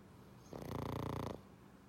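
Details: Pug dog napping, giving a single loud, rattling snore, a rough fluttering sound lasting under a second in a quiet room: snoring.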